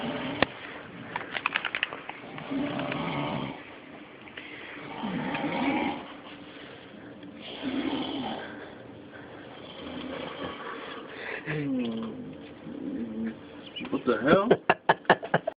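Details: Man snoring: rough, rumbling snores in slow swells every few seconds, mixed with room noise and a few sharp clicks near the end; snoring.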